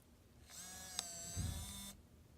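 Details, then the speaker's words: CADD PCA 5800 / CADD PLUS 5400 infusion pump in a training demonstration: a brief soft motor whir of about 1.5 seconds in a quiet room, just after the pump is started with a 3-second press-and-hold; the infusion pump running. "I was quiet there for a minute so you could hear the pump. That is the pump running."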